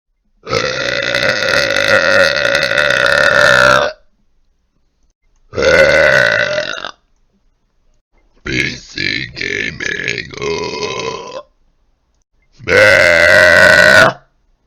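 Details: Burping: four loud, prolonged voiced burps, one broken into choppy bursts, separated by short silences, from a burp compilation.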